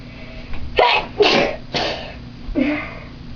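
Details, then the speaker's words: Sneezes deliberately provoked by people wiggling bobby pins clipped in their noses: four sharp bursts with voiced onsets in quick succession from more than one person; sneezing. "we're doing is we're making ourselves sneeze by putting bobby pins up our nose."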